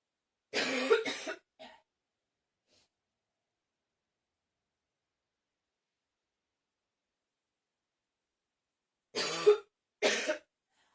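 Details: Two bursts of harsh coughing separated by silence, each a pair of coughs, four or five coughs in all; part of a ten-minute coughing recording.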